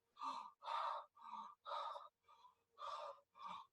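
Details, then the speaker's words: Bronchial breathing in a respiratory teaching session, from loss of the alveolar filter: loud, harsh, high-pitched breath sounds with distinct gaps between breaths, about 58 a minute. "basically the breathing is far more quiet bronchial readings very harsh and high pitched this is because alveolar broken they're dysfunctional and there is stuff inside it's not filtering the uh high pitch sounds"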